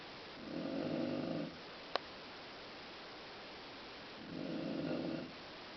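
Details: Adult woman (a mother) snoring in sleep: two rattling, low snores about three seconds apart over a quiet room, with a brief click between them; ordinary sleep snoring.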